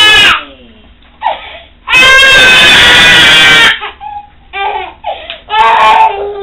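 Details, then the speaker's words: A baby boy who has never heard before cries in loud, rising wails with short gasping pauses in a small room, a response just after his first cochlear implant is switched on at a low, slowly increased level. "I mean it's sad that he's crying but I'm happy that there's a response"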